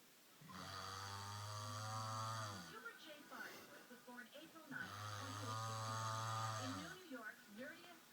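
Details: Sleeping man snoring: two long, loud, buzzing snores about four seconds apart, each followed by mumbling, speech-like sleep-talking sounds.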